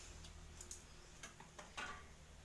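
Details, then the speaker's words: Four-quadrant abdominal percussion on a 40-year-old man complaining of abdominal pain and frequent bloating: about six light taps giving a uniform hollow tympanic note in all quadrants, a normal finding. "pertama adalah perkusi 4 Quadrant Hai disini dapatkan bahwa suara-suara perkusi suara perutnya sama yaitu timpani"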